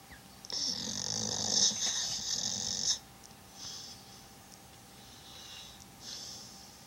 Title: Sake snoring then dreaming.